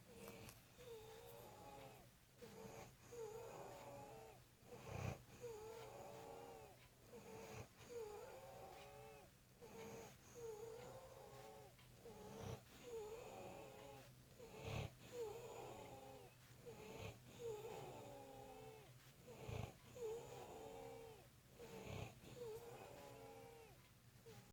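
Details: Husband's loud sleep snoring with whining, wail-like tones on each breath, about 13 breaths a minute, growing louder as the recorder moves closer; described as recently started: snoring.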